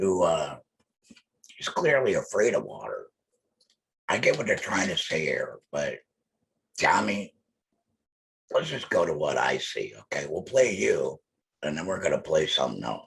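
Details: Adult male laryngectomee speaking with alaryngeal speech after laryngectomy; alaryngeal speech.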